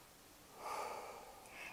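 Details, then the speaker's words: Normal breath sounds heard anteriorly over the upper lung lobes at the second to third intercostal spaces, comparing left and right sides during a nurse's lung auscultation demonstration on a patient. "now we're going to inch down to the second intercostal space and this is where we're going to start listening to our upper lobes of our lungs"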